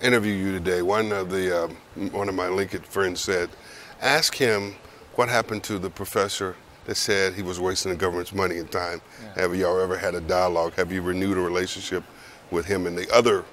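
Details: Adult male speaker; normal speech.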